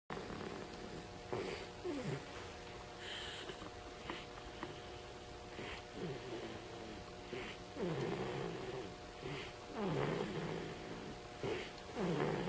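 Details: 3-week-old baby snoring while asleep in his bouncer: soft, rough snoring sounds with each breath, about 28 a minute, over a steady background hum.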